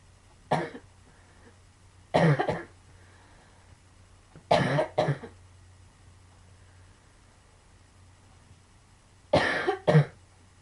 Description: i am coughing like crazy!! i have sarciodosis in my lungs which makes me cough like this...ugh